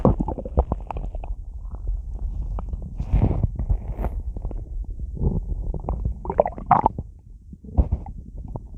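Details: Person lying in bed after drinking a lot of soda: continuous low gurgling and rumbling with bubbly squelches from the belly; bowel sounds.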